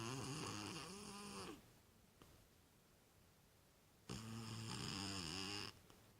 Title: My Cat Snoring in a Cardboard Box